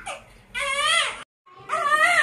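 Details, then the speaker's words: Two loud, tonal wailing cries from a one-and-a-half-month-old twin girl being dressed, with a brief pause for breath between; an ordinary infant cry. "यह लड़की बहुत रोटी है और आपके लिए cap लेके आती हूं"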